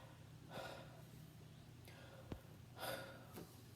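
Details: Normal breath sounds on stethoscope auscultation, moving down the chest in sequence during a demonstration: soft, even airy breaths with a brief stethoscope knock, no wheeze or crackles.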